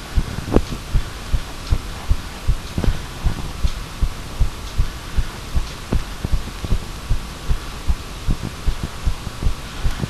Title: Heartbeat again